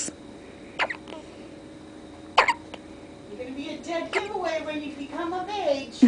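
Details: A girl with loud hiccups: two sharp, abrupt hiccups about a second and a half apart, followed by other people speaking; hiccups.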